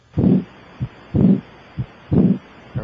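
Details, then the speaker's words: Stethoscope at the apex during a cardiovascular examination, with the radial pulse palpated to time S1: normal first and second heart sounds, a steady lub-dub at about 60 beats a minute, with S1 louder than S2. "I can hear your first heart sound and I can hear the second heart sound the first hot sound should have a louder quality in this apical position"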